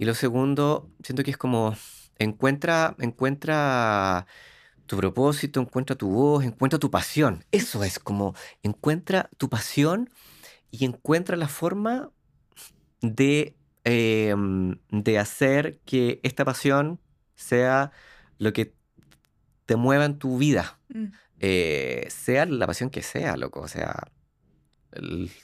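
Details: Adult man who lives with stuttering, speaking Spanish; stuttering.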